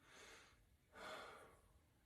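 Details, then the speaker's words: Male patient taking repeated deep breaths, heard with stethoscope diaphragm: smooth airflow, bronchovesicular sounds upper chest, vesicular over lung fields, no wheezes or crackles; lungs clear and equal bilaterally; normal breath sounds. "his lungs are clear and equal to auscultation bilaterally there's no wheezing rails wrong time or any other invitation"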